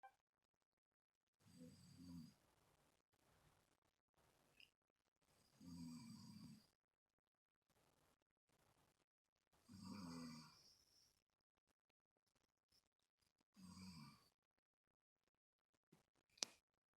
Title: Snore part 2